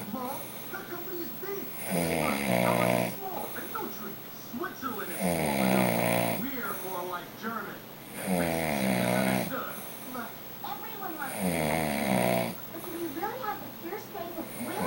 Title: Yes - you Snore!